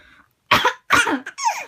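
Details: An adult who is sick gives two harsh, forceful coughs, followed by a brief high-pitched sound from a baby almost 6 months old who finds the cough funny.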